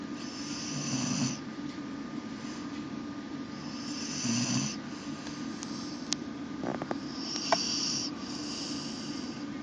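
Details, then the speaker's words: English Bull Terrier napping in a laundry basket, snoring loudly. "Rook dog. You're snoring in my laundry basket."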